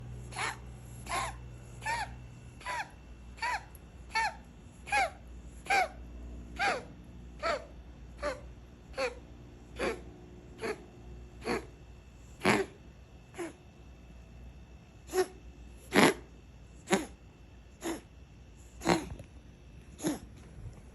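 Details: A Ragdoll cat gives a long run of short, sharp coughing bursts, some with a slight voiced tone; cough.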